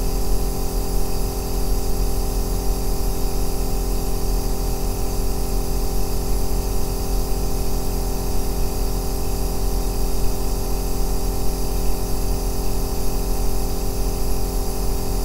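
Steady deep droning hum with a faint hiss, unchanging throughout: a nebulizer compressor running.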